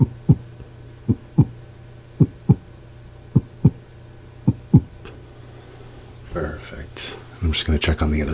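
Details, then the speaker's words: Simulated ASMR roleplay examination, not a real doctor: stethoscope on chest while patient takes small deep breaths; paired lub-dub heart sounds about 55 a minute, then rustling; normal heart sounds. "So, now I'm just going to come in here and just going to listen in on your heart as well as your breathing."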